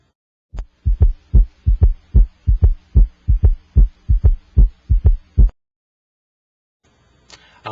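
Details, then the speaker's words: Electronic stethoscope at the apex, patient holding breath after exhaling: a regular two-part heartbeat at about 74 a minute with no S4 before S1 and no S3 after S2. Normal heart sounds without gallop. "i cannot hear an s4 gallop before s1 and i do not hear an s3 gallop after s2"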